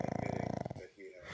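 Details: A pet dog snoring very heavily while asleep.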